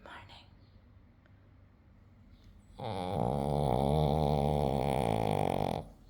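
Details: Dog asleep: after a quiet stretch, one long, loud, fluttering rumble lasting about three seconds; snoring.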